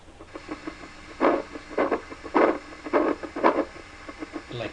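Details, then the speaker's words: Needle EMG on a Natus Synergy system, abductor pollicis brevis muscle selected, 50 microvolts per division: irregular crackling pops and louder static bursts from the loudspeaker during insertional activity. "So, this is going to be my insertional activity. And here are the cascades."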